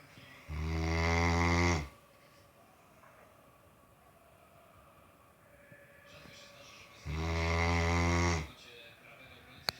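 Two loud, low, rattling snores about six seconds apart, with quiet breathing between; ordinary snoring in a sleeping large dog.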